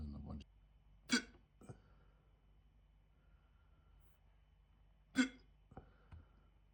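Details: Hiccups starting almost immediately after eating a chicken tikka jalfrezi curry: two sharp, abrupt vocal catches about four seconds apart, each followed by a softer click, in a quiet room.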